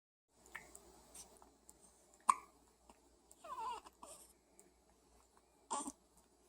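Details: Quiet room with a few sharp, brief hiccup catches spaced seconds apart, plus soft vocal sounds; hiccups.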